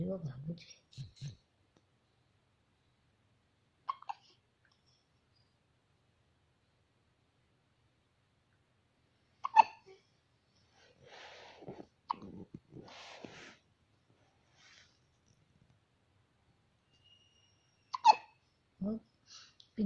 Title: cute hiccups of a newborn